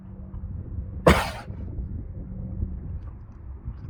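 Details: A cough, recorded 3.1.22.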